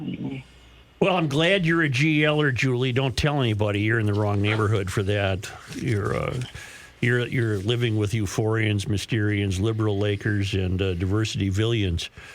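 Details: Adult male speaker; ordinary speech.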